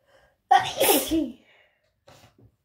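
One loud, wet sneeze with a short inhaled build-up and a spray-like burst, then faint sniffs.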